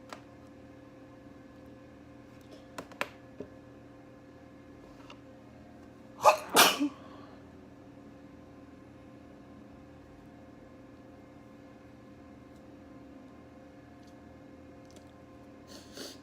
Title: sneezing again (shorter one)